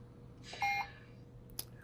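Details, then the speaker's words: Two short electronic beeps and a faint click: keypad tones from a Puritan Bennett 560 ventilator as the check-mark button is pressed to set inspiratory time while configuring volume-based modes. "So once again I'm going to press the check mark button, and I'll determine what kind of inspiratory time I want to have."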